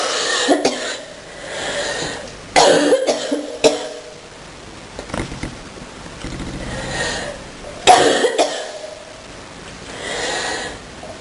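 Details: Deep coughing fit: repeated harsh, deep coughs spread over several seconds against room noise.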